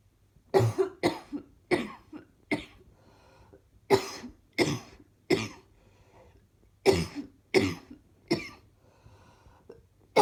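About thirteen harsh cough bursts, mostly in pairs and short runs with pauses between; a repeated hacking cough.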